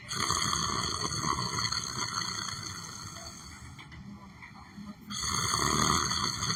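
Rough snoring breaths with a steady tonal background hum throughout.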